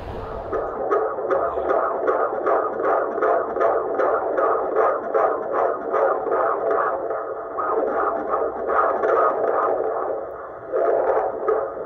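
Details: Fetal heartbeat of a baby boy heard on Doppler during pregnancy: rapid rhythmic whooshing pulses, about 150 a minute, strong and regular; active and well.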